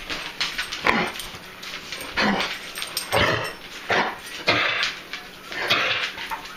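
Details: A dog with kennel cough, on day 4 of doxycycline and cough suppressant, sometimes bringing up clear phlegm, gives repeated harsh, honking hacks.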